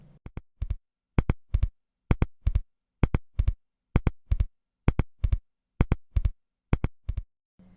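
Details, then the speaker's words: Simulated split first and second heart sounds in complete left bundle branch block: four sounds per beat, like train wheels crossing a rail joint. "теперь послушаем раздвоение и первого и второго тона на примере блокады левой ножки пучка гиса полной блокады"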